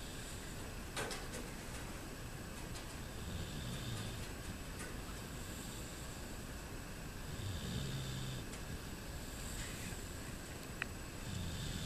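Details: Adult man snoring in sleep: soft, low rumbling snores recurring through steady room noise; ordinary snoring.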